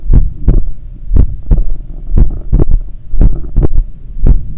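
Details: Own heart recorded with stethoscope at the apex (point of maximum impulse) after an 8 km run: loud slow heartbeat about 57 per minute with soft extra low thud after S2; third heart sound (S3).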